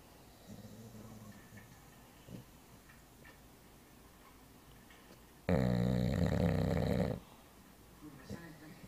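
Soft low snoring at first, then one loud, buzzing, rattling snore lasting over a second. Dog snoring.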